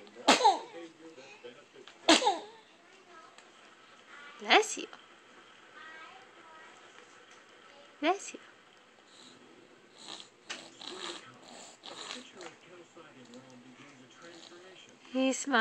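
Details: Small child with a little cold sneezing, hiccups also wondered about: several short, sharp sneeze-like bursts, about four in fifteen seconds, with adult talk and baby sounds between.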